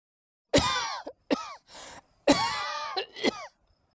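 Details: Two bouts of harsh, voiced coughing, each a loud burst followed by a shorter cough with a breathy inhale between; a plain repeated cough, sound effect.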